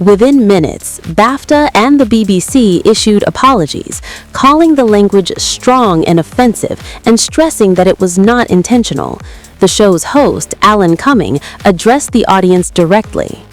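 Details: Adult narrator; normal speech.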